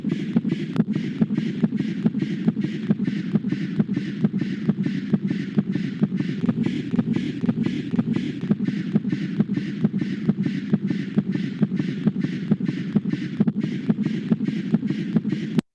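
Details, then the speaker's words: Variable deceleration of fetal heart rate during labor, from umbilical cord compression: rhythmic whooshing fetal heartbeat heard on a Doppler monitor. "The onset of variable decelerations may vary with respect to the timing of uterine distress."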